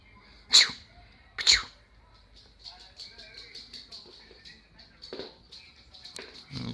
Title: Sneezing fit in Dog